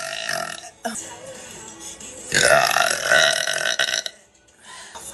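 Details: Girl burping on a live stream: one long, loud, drawn-out burp over background music.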